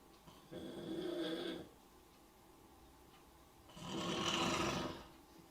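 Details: Man sleeping during a live stream: two long, rough, fluttering in-breaths separated by a quiet pause; snoring.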